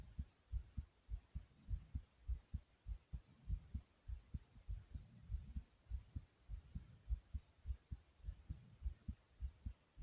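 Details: Stomach growling that occurred while recording the heartbeat: steady low heart thumps with soft rumbling gurgles mixed in; normal borborygmi.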